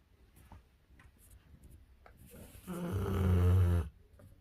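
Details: Quiet breathing, then a single loud, low, rattling snore lasting about a second; unusually loud snoring.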